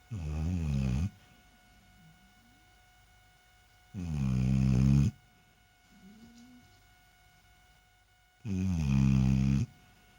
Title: snoring well